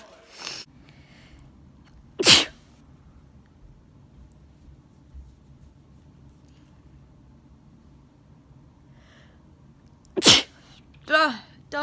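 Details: Three sharp, explosive sneezes in a quiet room, the last followed by a brief vocal sound, from a girl with a new nose piercing; sneezing.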